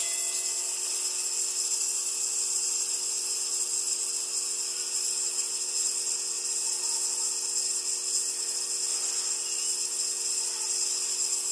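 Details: Steady high-pitched mechanical hiss and whine of a running nebulizer giving inhaled medication to a mini Shih Tzu dog with a cold; nebulizer running.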